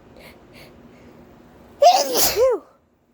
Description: Quite a bit of hitching in this one and one explosive sneeze in the mix as well!